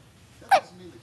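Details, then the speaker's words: Baby in a bouncy seat with hiccups: a single short, sharp voiced catch in a quiet room. "You got the hiccups, buddy."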